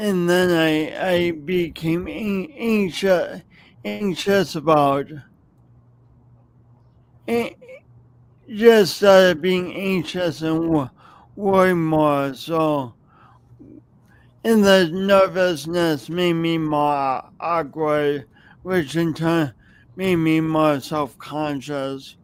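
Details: Adult man with a long-standing speech impediment, no specific diagnosis named, audible whenever he speaks; speech impediment.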